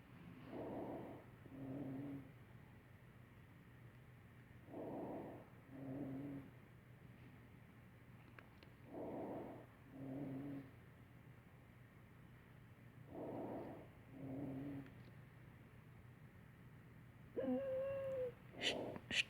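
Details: Simulated rhonchi on a mannequin, played on a pneumonia breath-sound demonstration: a low, coarse rumble on each breath with a slight musical tone, less than wheezing.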